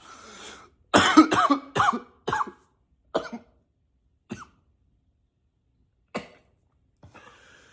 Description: coughing a lot, sometimes i try to cough with a deeper voice